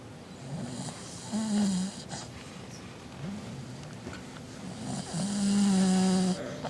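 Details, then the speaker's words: Sleeping family dog snoring heavily: rhythmic rattling snores on each breath, some with a drawn-out whistling tone. "Max, are you sleepy? Oh my gosh, he's really snoring."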